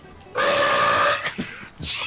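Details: Gamer burping during an online game stream: one long, loud, resonant burp lasting almost a second, then brief voices over game noise.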